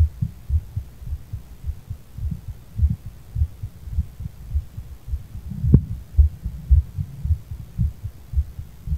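Low, fairly regular heart thumps at about 113 beats a minute, a fast heartbeat after cannabis use.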